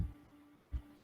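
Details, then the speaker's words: Systolic ejection murmur at the aortic area, heard in a pathophysiology class: low heart thumps with a faint sound between them as blood strikes the aortic walls. "está el software de inyección que le decíamos el soplo sistólico como es demasiada no [Música] porque todas esas a que están golpeando contra las paredes de la aorta por eso también se un soplo sistólico"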